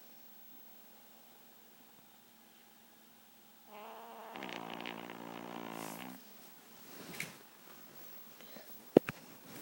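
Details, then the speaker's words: A 4-pound Shih Tzu dog snoring loudly like a bulldog despite her tiny size. "snoring? You making all that noise, you little tiny dog?"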